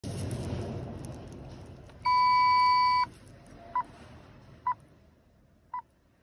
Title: 1046-3 輸液ポンプ OT-707 通電確認